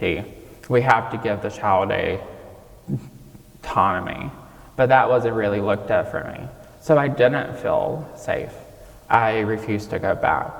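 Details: 26-year-old man with childhood apraxia of speech, diagnosed at age five, nonspeaking until age five, treated with speech therapy five times a week; childhood apraxia of speech persisting in adulthood.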